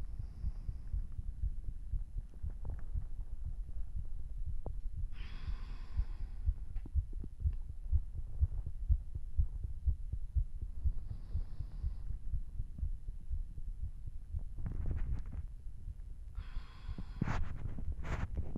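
Deep, fast, thumping heartbeat around 120 a minute, with faint breathing; normal quickened heart rate after a hard workout.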